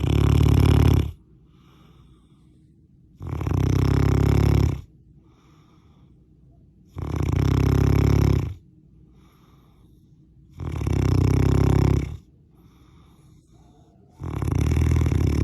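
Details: Baby snoring during sleep, said to get worse with age: loud, deep, rumbling snores on each breath in, about four in 15 seconds, with quiet pauses between.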